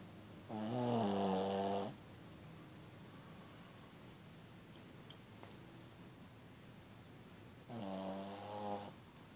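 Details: Sleeping dog snoring: two long, buzzing, rattling inspiratory snores separated by a quiet pause, in a quiet room.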